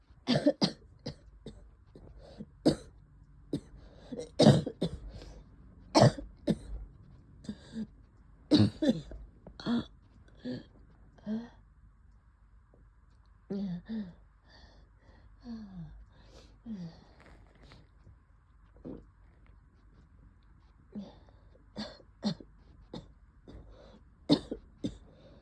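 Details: Repeated loose, wet coughs with throat clearing, opening with a sneeze, in a quiet room; the person says this is their cough during COVID.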